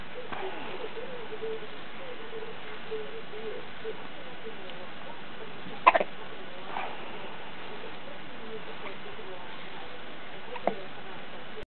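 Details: Two or three brief, sharp little catches against a quiet background hiss: hiccups in a 2-day-old newborn.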